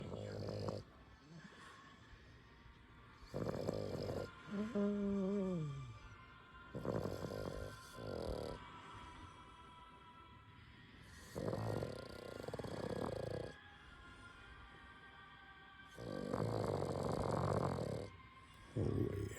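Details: English bulldog puppy asleep after a long day; loud rough snorting breaths every few seconds with squeaky nasal whines between, over faint background music: puppy snoring.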